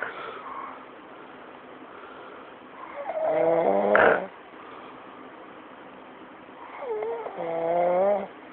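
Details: Snoring: two loud, drawn-out, vibrating breaths about four seconds apart, with a short snort between them.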